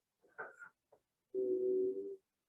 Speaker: but wheezing is going to be more high-pitched roncai is just core squeezing so here's um wheezing sounds like a whistling right high pitch whistling like a train